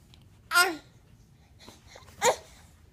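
Two short, abrupt voiced catches about a second and a half apart in a quiet room, fitting hiccups.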